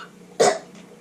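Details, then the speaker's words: A child gives a single short, sharp voluntary cough on purpose, demonstrating how he personally coughs while explaining sneezing and coughing. "But this is how I sneeze it personally. Chew, and I cough like"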